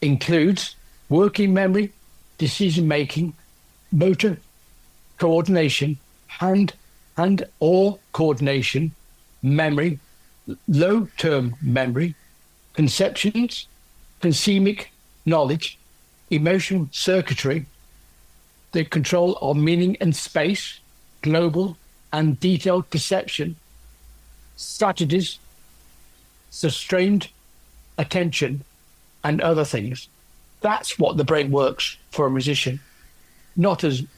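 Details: Adult man with aphasia after a stroke from a left middle cerebral artery blockage 10 years earlier; no speech at first, now improved with persisting word-finding difficulty.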